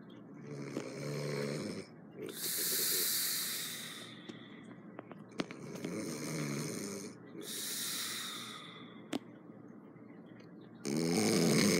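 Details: Roommate snoring loudly while asleep: loud, harsh snores on each breath in, with hissing breaths out, roughly every three seconds; snoring.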